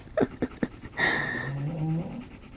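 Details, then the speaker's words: A hound dog sleeping warm in the sunshine snores loudly, with three short nasal snorts and then a long rumbling snore breath. "he's staying warm he's snoring so loud that's my dog jack he's a hound dog"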